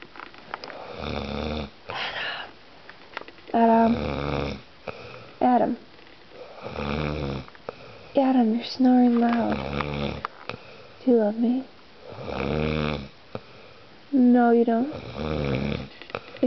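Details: Adult man (Adam) snoring while asleep, partner talking to him: loud, irregular rattling and voiced snores, about 11 a minute, some buzzing and gurgling; snoring.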